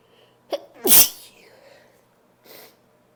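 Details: Female who is trying not to sneeze gives a quick catch of breath, then one loud explosive sneeze followed by a softer sniff; a single sneeze.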